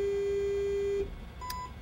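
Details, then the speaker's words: Omnisense 8000S ultrasound bone sonometer measurement on a phantom: steady tone ends, then a short higher beep marking the end of measurement cycle one of five (checkered flag, another cycle needed). "we have a checkered flag that means that we need to do another cycle"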